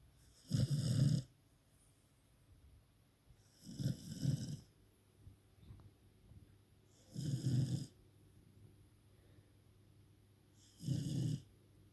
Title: my dog she is Snoring very loud 😴😴